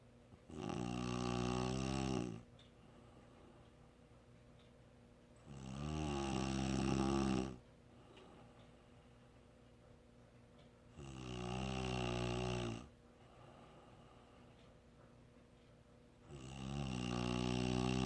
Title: Snoring sound clip